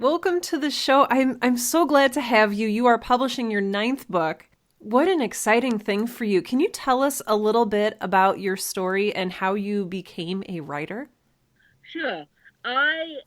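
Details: Adult woman speaking; normal speech.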